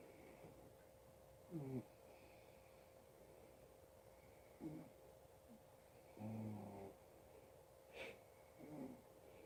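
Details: Adult man (father) snoring: irregular low rattling snores on the in-breath, about five in ten seconds, over a steady room hum; ordinary snoring.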